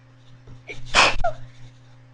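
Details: First recording, with sound settings adjusted so the audio sounds odd: a short intake of breath, then one sharp, explosive sneeze and a small trailing sound over a steady low room hum.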